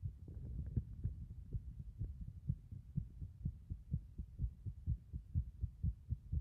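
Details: Muffled, quick, regular heart sounds near 125 beats a minute with low background rumble, with the chest caved in three times.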